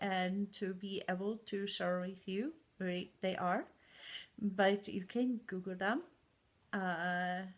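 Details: Adult woman with aphasia and foreign accent syndrome caused by a stroke four years ago, with memory problems; good and bad speaking days, accent heard as from places like Scandinavia or Ireland.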